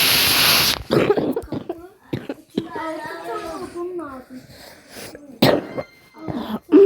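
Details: Coughing while playing a video game, from a person also reporting cramps and vocal stims: a harsh cough burst, then short sounds and talk, with another cough and throat clearing near the end.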